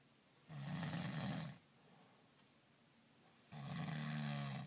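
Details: Adult man sleeping after a day of back-country skiing: two long, low, rumbling snores about three seconds apart with quiet pauses; ordinary snoring.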